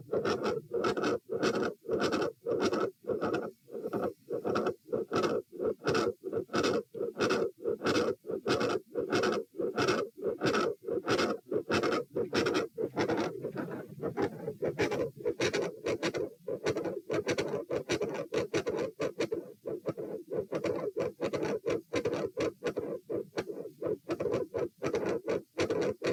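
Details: Heart auscultation at position A during a posture stress test (lie, sit, stand, sit, lie; 84-90-102-84 bpm): regular beats near 90/min with a mid-systolic sound, murmur near S2 and split S2.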